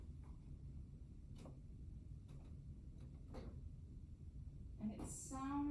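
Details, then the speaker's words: Nursing thorax and lung assessment: about five soft, hollow finger taps in percussion over the posterior thorax give a resonant note; resonance was heard with no abnormalities noted. "um i heard resonance i don't think that there's any cause or concern or any abnormalities we need to deal with on that"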